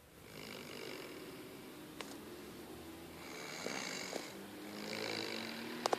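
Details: Sleeping old man snoring: slow, rough, rattling breaths with a raspy, whistling edge over steady room noise.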